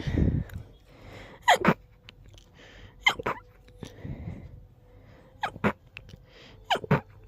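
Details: Sneezing fit.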